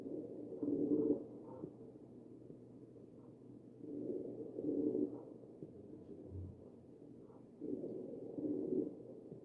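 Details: Wheezing heard on chest auscultation of a real ventilated patient (sample 2).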